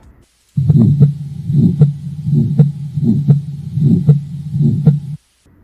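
Regular heartbeat at about 76 a minute, with a low rumbling whoosh that fills much of the gap between the thumps. This is a heart murmur, the sound of turbulent blood flow through the heart; the exact type cannot be told here.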